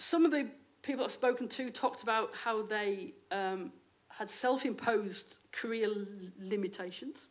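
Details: Stammering in an adult female lecturer who states she has a stammer; real, not acted.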